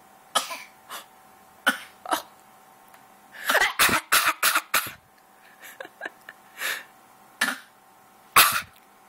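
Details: An infant daughter coughing voluntarily in play to make noise: a series of short, deliberate coughs, not from illness.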